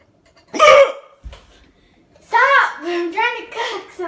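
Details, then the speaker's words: Person with out-of-control hiccups, saying they have never had hiccups like this before: a loud, sharp voiced hiccup, then a quieter click and a squeaky vocal sound; unusually loud hiccups. "what it's not my fault I've never had hiccups like this before how am I going to get rid of them"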